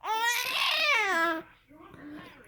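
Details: Baby crying: one loud, high-pitched wail lasting over a second, then a softer fussy sound.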